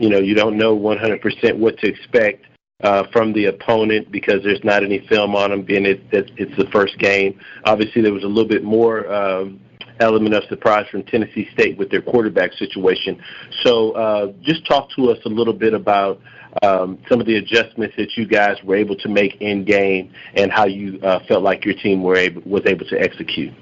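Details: Adult man speaking over a telephone line; Normal speech.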